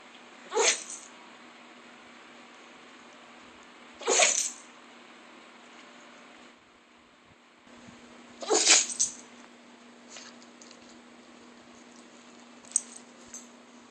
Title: The Sneeze